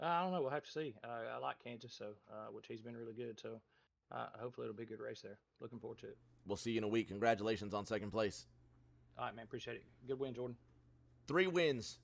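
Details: Adult male speakers, interview over headset microphones; normal speech.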